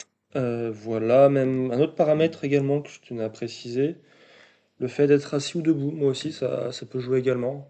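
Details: 22-year-old man speaking French, stuttering since early childhood, which was marked by a slight speech delay; stuttering.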